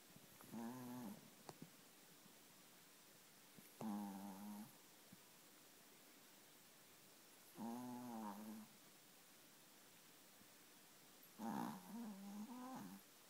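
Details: Mighty snoring: four regular, rumbling, slightly tonal snores, about 16 a minute, with quiet gaps between them in a still room.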